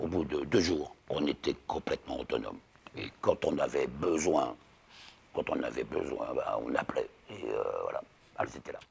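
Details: Alaryngeal speech in a man about 60 after total laryngectomy at the end of 2022 for laryngeal cancer, followed by radiotherapy; 4 months of imposed silence with whispered voice before relearning speech in rehabilitation.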